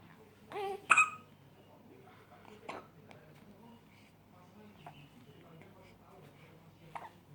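Sharp, brief voiced catches, one loud near the start and a few fainter ones after, fitting hiccups over quiet room noise.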